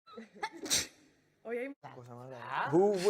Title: Sneeze and Nose blows in Operacion Triunfu 2020